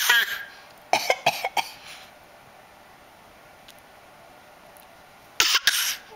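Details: A child coughing in short bursts: one cough, a quick run of four, then two more; a dry-sounding repeated cough.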